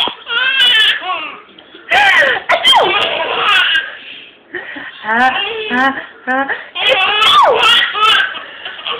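Repeated high, wavering cries and whimpers from a young child in a small room, with laugh-like bursts; an ordinary infant cry.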